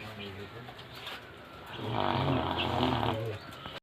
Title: snoring dog